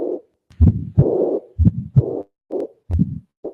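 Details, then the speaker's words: Patient with aortic regurgitation: heart sounds at about 60/min with a sharp early systolic ejection click (ejection sound) and a soft blowing diastolic murmur of aortic regurgitation. "I also want to point out that in addition to the moror lots of noise moror he has a click there is an extra sound in early systolic an early systolic clicks an ejection sound"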